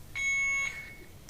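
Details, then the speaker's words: Alaris IV infusion pump air-in-line alarm after restarting the channel, training demonstration: a high, piercing electronic beep about half a second long, then a fainter echo of the tone. "now it says restart Channel if we hit restart it's going to check and we have air in the line good"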